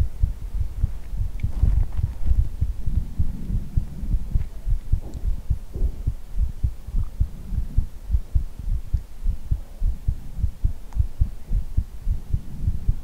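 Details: ASMR heartbeat recording with head-hugging and ear blowing: a steady, muffled, low thumping heartbeat at roughly 100 beats a minute, with some rustling.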